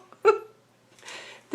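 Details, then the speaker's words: A female dog burps on her owner's prompting, one short throaty burp followed by faint breathy noise in a small room. "granny what are you doing you want to give me a burp are you getting excited"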